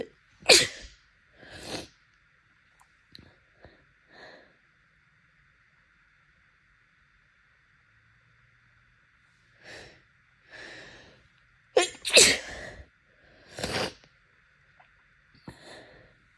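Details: Several loud, wet, congested sneezes with sniffling between them from seasonal pollen allergy, with bloodshot swollen eyes.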